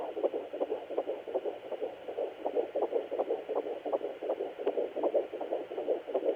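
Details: Rapid, regular whooshing beats at about 160 a minute on a Sonoline B home fetal Doppler at 13 weeks 1 day of pregnancy; normal fetal heartbeat.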